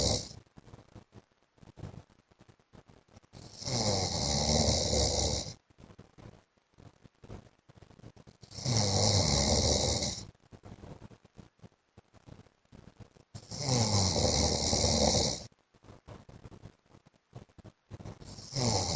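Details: Loud, rough, vibrating snores about every five seconds, roughly 12 breaths a minute, with faint breathing sounds between them: heavy snoring by an adult man (husband) in sleep.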